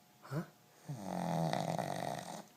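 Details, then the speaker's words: Female pug asleep after a busy day in the workshop: a short snort, then a long, loud, rattling, buzzing in-breath, typical of a flat-faced dog; owner thinks she is dreaming; snoring. "somebody's dreaming boy she sure can snore her snoring is so loud I think she's running in Her [Music] Dream"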